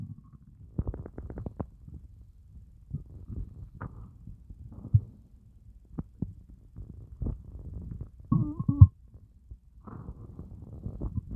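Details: Stomach growling after a fast of over 30 hours: low gurgling and groaning rumbles with brief higher squeaks; hunger borborygmi, an ordinary bowel sound.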